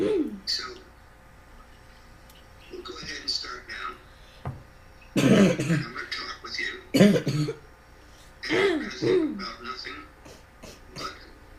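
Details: Habit cough (chronic cough) in a child: repeated loud, harsh, honking cough bursts. Such patients had up to 5 years of all-day cough that was absent during sleep, cured by Dr. Weinberger's procedure.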